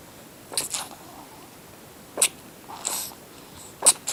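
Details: Kitten sneezing while on the owner's leg, filmed two years earlier: four short, sharp, soft, high-pitched hissy sneezes about a second apart, described as a strange sneeze.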